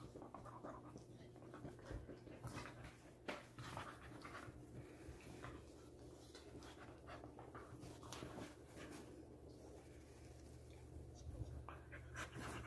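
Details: Dog panting after hours of playing outside, before bedtime: rapid, steady panting with soft whimpers over a low room hum.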